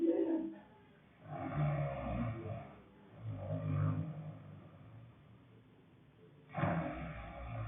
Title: Growling snoring 2